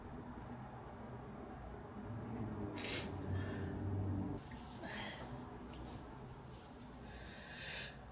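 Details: Sneezing: a rising inhaled breath followed by a few sharp, hissing bursts of air, with quieter breathing between them.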